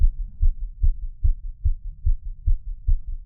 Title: mic picks up heartbeat (boosted audio)